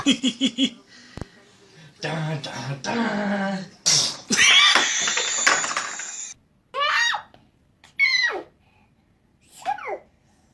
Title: Ahhh Choo!!! Funny Babies Sneezing - Funny Baby Videos [TRY NOT TO LAUGH]